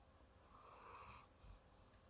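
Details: Pet snoring loudly while asleep holding the owner's hand, sometimes waking the owner at night.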